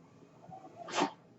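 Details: Mechanical ventilator noise.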